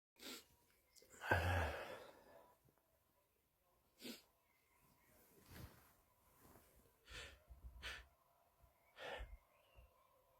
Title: male tiktok sneeze 12